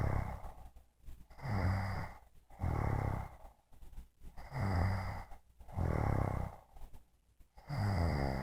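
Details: Sleeping adult woman snoring, recorded by her husband: steady rumbling snores about every three seconds, roughly 19 breaths a minute, with quiet pauses between; snoring.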